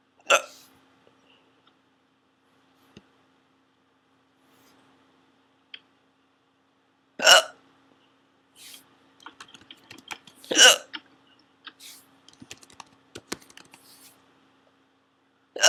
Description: they werent gone at the end just stopped recording